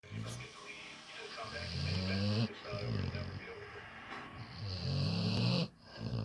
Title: When your dog snoring louder that your husband.